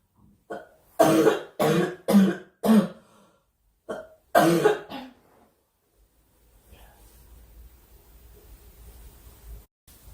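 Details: Girl coughing during a live stream, wishing aloud for the cough to stop: about seven harsh, throaty coughs in quick succession, then quiet room noise with faint music; cough.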